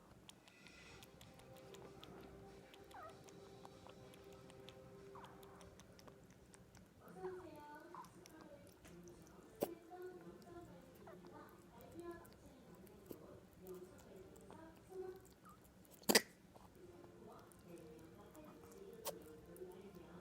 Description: My bunny sneezing.